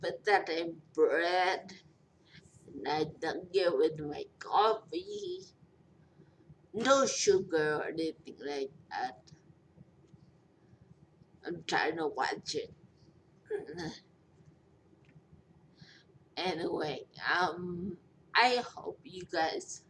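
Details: Post-stroke speech impairment in a 43-year-old woman after a major stroke with a long recovery.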